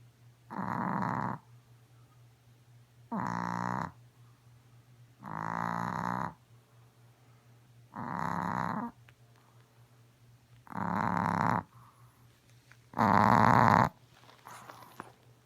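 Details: Chihuahua snoring loudly as usual: rattling snores repeating about every two seconds, roughly 26 a minute, with quiet pauses between; ordinary snoring in a small dog.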